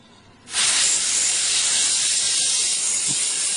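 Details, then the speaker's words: Dental air syringe switching on with a steady high airy hiss, drying the cavity for five seconds after two more adhesive coats, before light-curing, during a post-and-core placement demonstration with a fiber post. "two more brush holes a simplicity to are applied and the cavity is dried again for five seconds"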